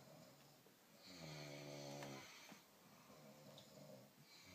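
One clear, buzzing snore on an in-breath over a quiet room. Ordinary snoring.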